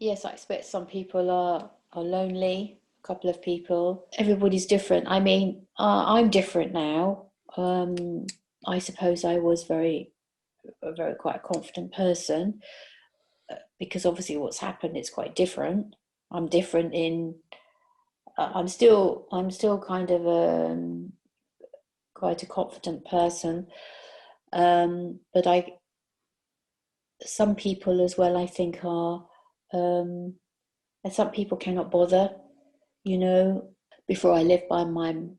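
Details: 62-year-old woman with aphasia after a stroke during sleep about 18 months earlier, with word-finding and number difficulties and trouble understanding fast speech; interviewer suggests it may be more like Wernicke's aphasia.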